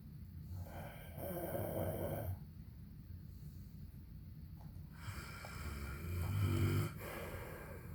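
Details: Adult man (husband) snoring: two loud, rough, low rumbling snores on breaths in, about four seconds apart, with quieter breathing between.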